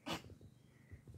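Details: Stray cat with a cat cold (upper respiratory infection) being treated with eye drops and antibiotics: a single sharp sneeze followed by faint snuffly breathing.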